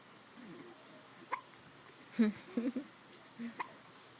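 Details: Baby girl with hiccups: several brief, abrupt gulping sounds in a quiet room; infant hiccups.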